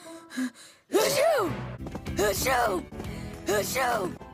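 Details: Animated cartoon character (PAW Patrol) in a simulated sneeze build-up: three sharp, rising gasps over background music, like the sudden breath in before a sneeze; gasping.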